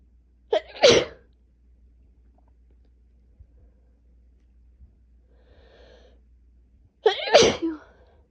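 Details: Two loud, forceful sneezes, each with a sharp inhaled lead-in, in an adult with a cold, asthma with chest tightness, 3 days of sinus pressure and 2 days of fever; painful cold sneezing.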